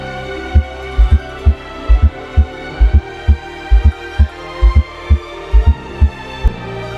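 Regular low heart sounds at about 66 a minute, an extra soft beat just before the first sound: S4 gallop.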